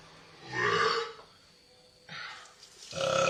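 Three drawn-out, rough belches are heard, the first long and loud. This is voluntary burping, apparently done as a performance.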